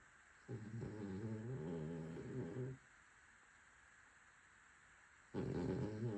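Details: Snoring from Cookie, a Cavalier dog.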